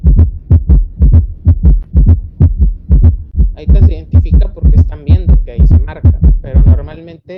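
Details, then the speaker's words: Loud, rhythmic galloping heart sounds like a running horse, S1 and S2 hard to distinguish: summation gallop with merged extra third and fourth sounds with tachycardia, typical of severe decompensated heart failure. "si escuchas así esposa un caballo corriendo otro bueno ya está corriendo este es un galope suma y eso es pues un paciente normalmente con frecuencia cardíaca con insuficiencia perdón cardíaca descompensada severa"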